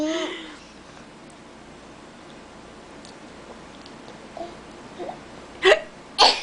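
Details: Child deliberately faking hiccups after real hiccups had stopped: a few short, sharp throat catches near the end after quiet.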